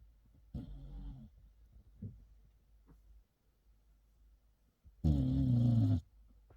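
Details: Dog fallen asleep with its pacifier and a star cushion in its mouth, low rumbling snores, one faint and one louder, separated by quiet breathing; ordinary dog snoring.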